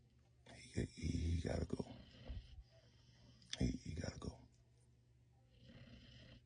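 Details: Cane Corso puppy found asleep: two loud, rough snoring breaths about three seconds apart, each with a rattling snort, then a soft exhale; snoring.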